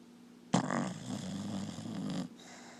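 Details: Dog snoring while asleep: one long, rough, rumbling snore lasting under two seconds.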